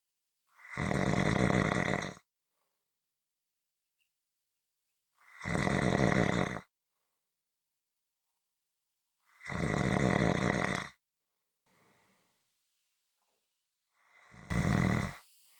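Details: Loud, rough inspiratory snores about every four seconds, roughly 14 breaths a minute, with quiet pauses between; snoring.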